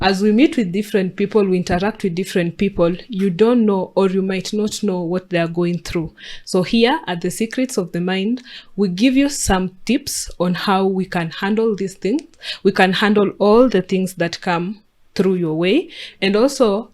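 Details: Adult speaker; typical speech.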